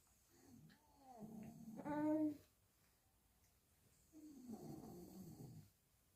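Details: Father snoring beside a newborn baby: two rumbling, rattly adult snoring breaths with a quiet pause between them, recorded in a room.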